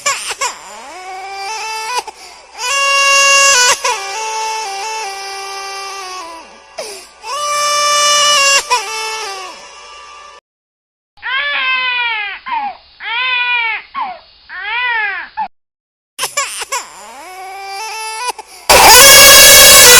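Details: Infant crying, sound-effect recording: repeated high-pitched crying in long wailing bursts with short gaps, a stretch of fast sobbing cries, and music at the end.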